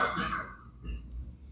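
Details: A single short adult cough, followed by quieter throat-clearing sounds in a small room, during a spoken lecture: cough.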